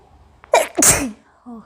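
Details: A woman sneezes after sniffing garam masala during a sneezing challenge, around her eighth or ninth sneeze: a quick in-breath, then one loud, explosive sneeze with a short voiced tail.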